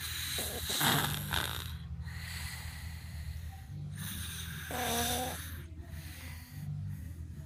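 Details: Low rumbling snores with snorting noises on the breaths over a steady background hum; snoring.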